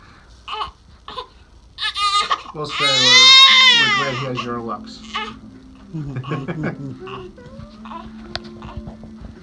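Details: Newborn boy, a few weeks old, during his first chiropractic adjustment: a brief rising wail with short fussing sounds while adult voices murmur nearby; an ordinary infant cry.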